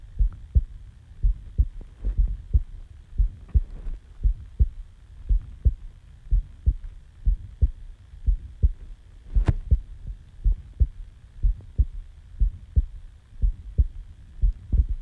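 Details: Normal resting heartbeat recorded right after waking from sleep: steady low heart thumps at about 59 beats a minute with a faint background hum.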